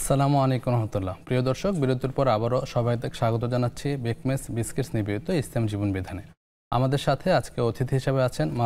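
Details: Adult male speaker; normal voice.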